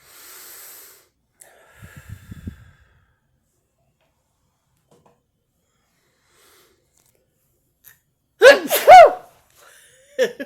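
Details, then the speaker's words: Sneeze out of nowhere in a person with a congested nose who is taking Allertec, during a nose-blowing session: quiet breathing and sniffing, then a sudden loud sneeze with sharp intake and explosive release, then a brief snort. "sometimes i sneeze out of nowhere that was so good"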